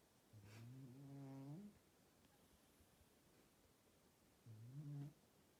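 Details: Two buzzing, slightly tonal snores a few seconds apart with quiet breathing between, from an old male cat sleeping, who always snores loudly; cat snoring.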